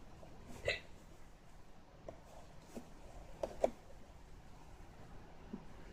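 Several brief, sharp gulping catches in a quiet room, two close together; hiccups.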